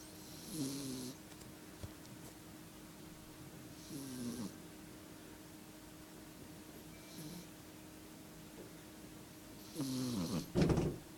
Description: My cat princess snoring in my bedroom with no editing done to this video it is all real!